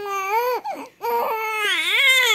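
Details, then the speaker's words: One-month-old baby boy crying while dressed in yellow flowery clothes; loud, clear infant cry in two long bursts with a brief catch between, ordinary crying. "why you crying because I let you wear the yellow and have flowery oh you don't like you want to"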